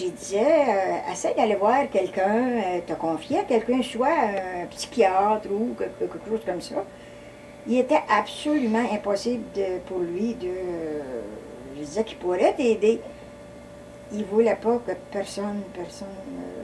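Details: Adult woman speaking French; normal speech.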